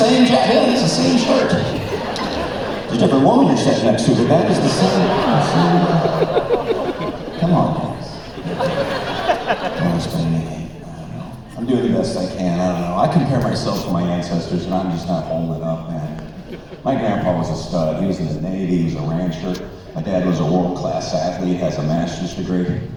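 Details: Man, former record producer, with incurable spasmodic dysphonia developed at the height of his career, progressively worsening until voice was lost, unhelped by vocal coaches or doctors, still audible; spasmodic dysphonia.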